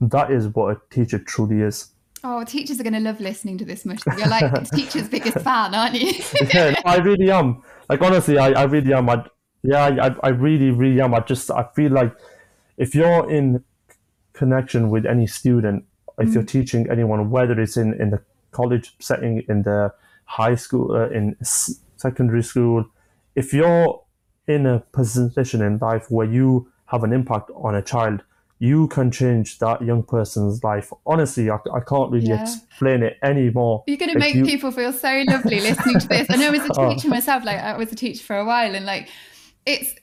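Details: Adult man, 25, with a stammer since early childhood after an asthma attack, who manages blocks with breathing techniques and pausing; stammering.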